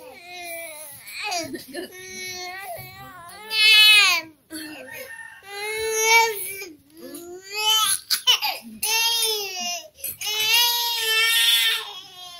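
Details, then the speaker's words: Baby aged 6 months 2 days: loud, rising and falling cries in repeated bursts with brief breaths between while a parent soothes and records; a typical vigorous infant cry. "Hindi kasi gusto ni Mami Lun yung kuhanan ko daw pag umiiyak siya."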